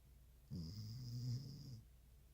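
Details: A single low, rumbling snore lasting over a second, with a faint whistling tone above it; ordinary snoring during sleep.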